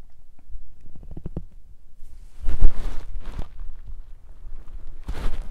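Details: A woman's stomach growling while hungry or digesting, with some recorded on a "girls day": low gurgling rumbles and bubbling pops in irregular bursts. Hunger-related borborygmi, a normal finding.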